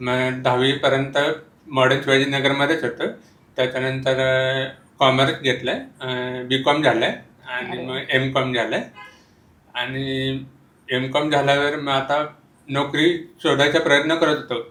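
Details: Speech of a young man born deaf (noticed around age 3), fitted with a pocket hearing aid and later a behind-the-ear hearing aid, with speech therapy; he now speaks fluently. Congenital profound hearing loss.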